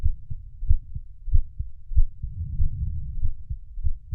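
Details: Steady, low, muffled heartbeat thumps in pairs at roughly 94 beats a minute, used as a sleep sound.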